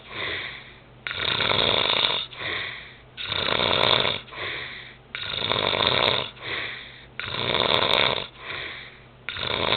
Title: Snoring